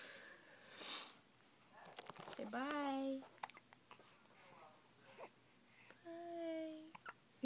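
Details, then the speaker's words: Hiccups in a small child who gets them many times a day, shaking her whole body: soft, abrupt catches in breathing with brief whimpers and vocal sounds in a quiet room. "marley literally always gets the hiccups she has the hiccups right now watch i feel so bad for her it shakes her whole"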